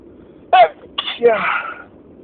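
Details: A sharp, loud voiced burst, then a drawn-out explosive exhalation: a sneeze within a very long fit of loud spring allergy sneezes.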